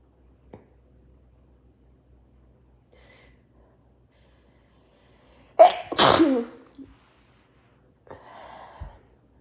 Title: Sneezing into my shirt + nose blow